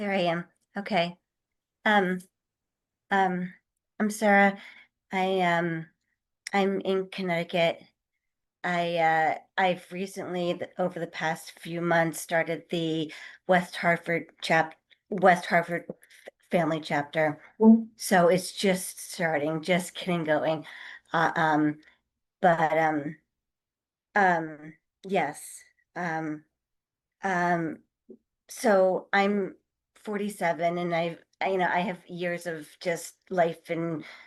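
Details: 47-year-old adult who stutters, with repetitions and fillers; stuttering.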